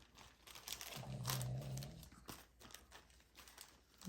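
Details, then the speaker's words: Snoring from a Cavalier dog heard in the background; snoring. "you can hear that snoring that's my Cavalier"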